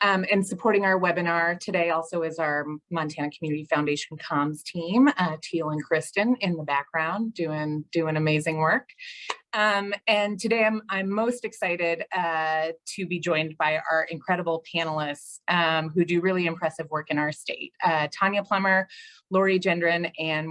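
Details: Adult woman speaking; normal speech.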